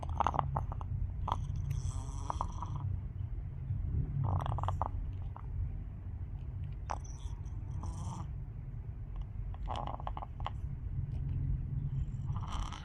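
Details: Chicken, owner asks what is beneath its beak, makes wet gurgling respiratory sounds with brief sharp bursts, then sneezes; suggests fluid or mucus in the airway.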